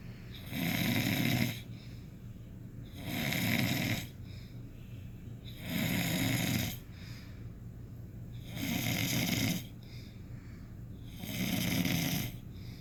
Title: snoring louder